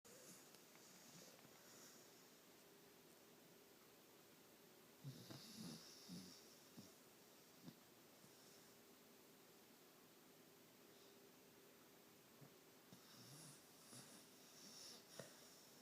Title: Maoli snoring